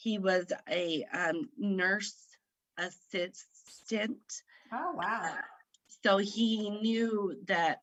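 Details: Woman who had a stroke at age 38 in September 2018 affecting her right side, about 3 years post-stroke; aphasia after stroke.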